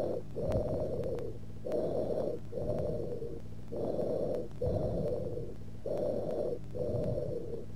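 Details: Teaching recording of loud, hollow, tubular breaths with a brief pause between inspiration and an equally long expiration: bronchial breathing.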